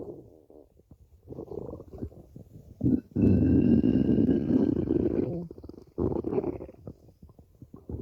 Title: stomach growling 5 (over five minutes of stomach growling)